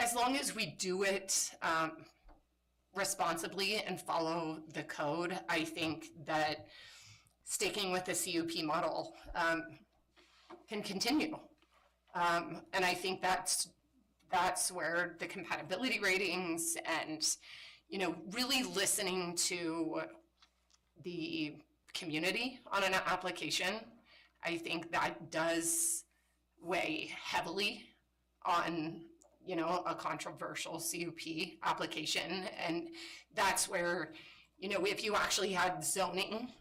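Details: Woman with spasmodic dysphonia, a voice disorder she calls a brain disorder and says kicks in sometimes; spasmodic dysphonia.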